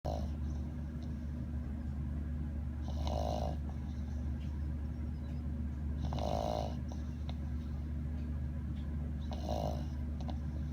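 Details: Snoring described as like an old man: low, rumbling snores about every three seconds over steady background hum.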